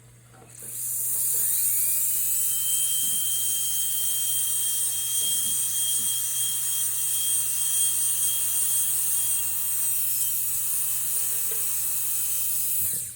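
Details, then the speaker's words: High-speed dental handpiece with 12 burr starting the eggshell in a crown prep, moved up and down until the burr catches, then pushed through at the same angle; steady high-pitched drill whine. "So I'm gonna start drilling. When I start my eggshell, I move it up and down a little like this until the burr catches, and then I'm maintaining the exact same angle. I push it all the way through to the other side."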